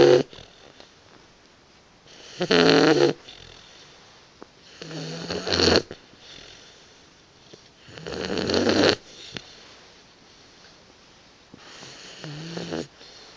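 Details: Four long rattling, fluttering snores roughly every three seconds in a quiet room; snoring in a napping Boxer puppy that snores often.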